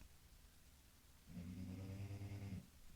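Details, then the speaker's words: A dog snoring during sleep: after a quiet pause, one long, low, rumbling buzz on an in-breath lasting just over a second; a second dog is also said to be snoring. "You can hear Daisy snoring and Devil snore."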